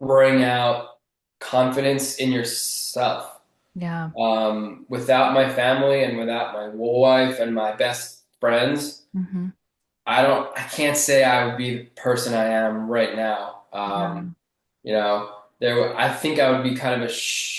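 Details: Adult man who has stuttered since childhood, still relatively mild, with word and part-word repetitions in conversation; stuttering.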